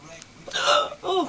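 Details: A young woman with hiccups: a brief, sharp catch of breath followed by a voiced sound, a single hiccup.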